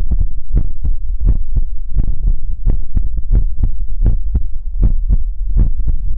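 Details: ASMR livestream heartbeat sound for relaxation: steady, deep paired thumps at about 85 beats a minute, a regular heartbeat.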